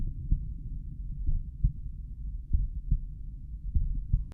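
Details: Self-recorded adult stethoscope heart sounds at the mitral area, lying on the back, played slowed down: deep paired thumps over a low steady hum; recorder asks how it sounds.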